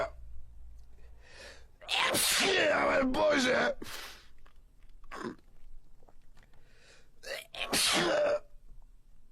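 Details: Compilation of streamers' sneezing fits: several loud, forceful sneezes with sharp noisy bursts, some preceded by a brief in-breath, with a wet, congested quality.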